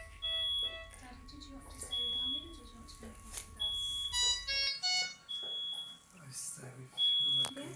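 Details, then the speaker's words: Repeated high electronic monitor beeps and alarm tones over soft voices and music in a delivery room, a preterm baby about 26 minutes after birth just handed to mum for a cuddle; neonatal patient monitor beeps. "i'll apologize in advance for the beats of the monitors it's something you only realize is going on in retrospect but if you can try and hear through the beeps the baby's about 26 minutes postnatal here"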